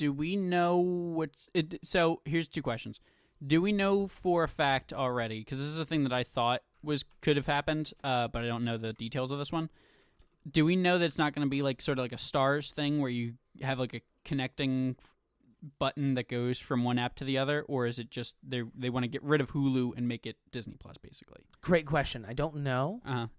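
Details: Adult man speaking; normal voice.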